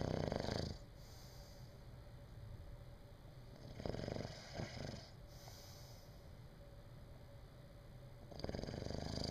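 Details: Low rumbling snores on each breath, about three breaths over nine seconds, with a steady background hum, from a sleeping person; snoring.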